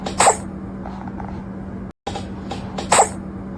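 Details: Cat sneezing: two short, sharp sneezes separated by a brief gap over a steady low room hum.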